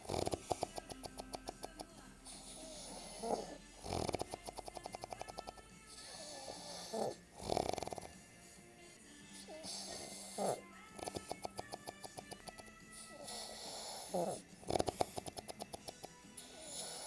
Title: Funny snoring dude!